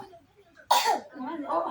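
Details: Sudden cough from a person who is singing the song Sinanggar Tulo while dancing the tor-tor (manortor).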